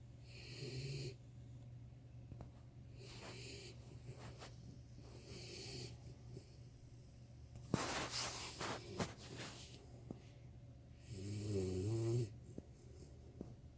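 Light snorts and whistly snoring breaths from a sleeping puppy, with a brief snuffling burst in the middle.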